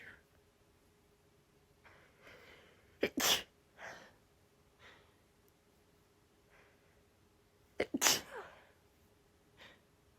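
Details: Sneezing fit: two sharp sneezes, each led in by gasping inhalations, with sniffs and breaths between; increasingly desperate, rapid sneezing fit.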